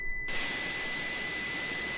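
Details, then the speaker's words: A simulated tinnitus tone is heard first, then white noise is added and masks it. The tinnitus tone becomes inaudible under the louder white noise, demonstrating sound therapy by masking. "자 보면 이명 소리가 처음에 들리다가 백색 잡음이 이제 차회를 한 거예요네 그니까 확실히 좀 묻어진 거 같아요"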